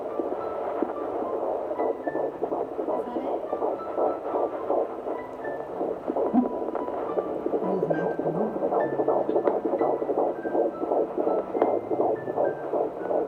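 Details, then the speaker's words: Midwife's handheld Doppler held on the belly at about 13 weeks of pregnancy, first-time mother's first time hearing it: fast, whooshing fetal heartbeat at 160 beats a minute, called very normal; soft music behind. "Yeah, and at that, the baby's heartbeat was 160 beats per minute, which is very normal, she said."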